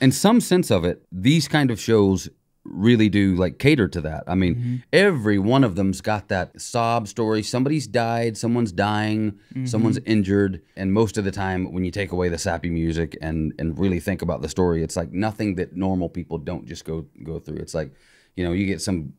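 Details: Adult man speaking; ordinary speech.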